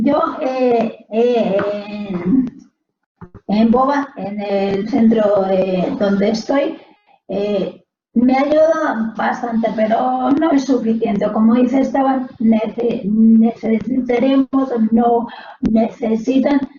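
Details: Mild, largely recovered Broca's aphasia in a Spanish-speaking woman after a brain haemorrhage at about age 31, following surgery for Takayasu arteritis; she attends a day centre.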